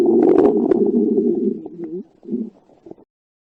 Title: Stomach Growls While in her Bikini